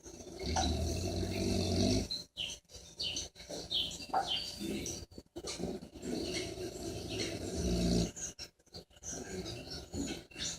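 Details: Snoring during sleep: low rumbling snores on the breath, with snuffling and irregular noisy sounds between them.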